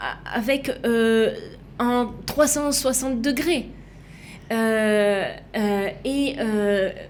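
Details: Female left aphasic with right-sided hemiplegia after an accident and coma, resuscitated with a defibrillator; for years could not place her tongue correctly, fought 7 years to relearn walking and speaking; aphasia.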